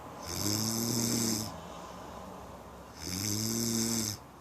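Two long, buzzing, droning snores about three seconds apart over steady room hiss; ordinary snoring.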